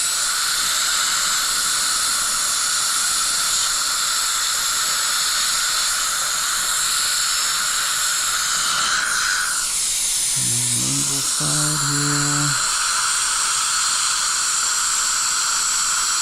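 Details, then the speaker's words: Continuous high-pitched whine with hissing water spray of a high-speed dental handpiece finalising occlusal reduction and margin of an upper right molar (tooth #3) crown preparation; pitch dips under load, then background music. "Already got a depth cut on the accusal. We're going to finalize that. Bring our margin around. Bring it within half a millimeter."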